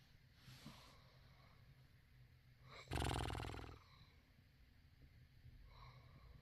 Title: I don't snore🤣🤣🤣 #lifeisbutadream